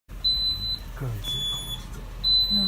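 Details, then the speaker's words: Home apnea monitor repeatedly alarming from about 3 to 5 a.m. during a toddler's central sleep apnea episodes; high steady electronic beeps with faint room sounds between. "he had a lot of Sun drop Mia's and her alarm was basically going off oh not all night but all morning"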